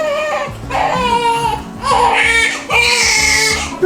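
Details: A newborn boy cries in repeated high-pitched wails just after hospital delivery, following a 43-hour labor and a failed home birth at over 40 weeks; music plays underneath. A normal newborn cry.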